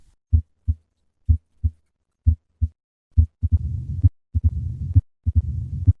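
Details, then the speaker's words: Mitral stenosis in mixed mitral valve disease (MS/MR), heard with the stethoscope bell held lightly: low-pitched sounds at about 65/min with increased S1, loud opening snap and a low-pitched diastolic rumbling murmur filling the pauses. "the murmur of mitro stenosis is low pitched and requires the bell of the stethoscope to be held lightly on the chest wall"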